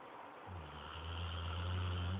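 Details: Dog snoring while asleep on a couch: a low, steady rumbling buzz that builds over about two seconds into one long snore, with faint room noise.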